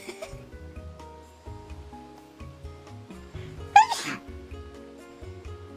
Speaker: i sneezed i didn't even mute myself this time you're welcome not my dramatic sneeze